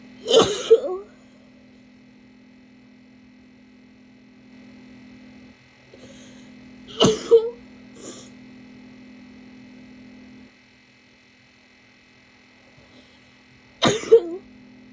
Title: barky sick sneezes (f)